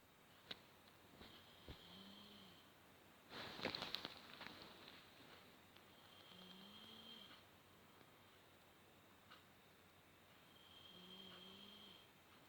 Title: Snoring can be a little annoying.